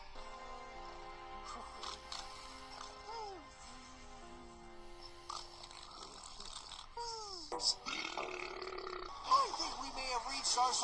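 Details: Cartoon burps from the animated characters Shaggy and Scooby over background music and sound effects; burping.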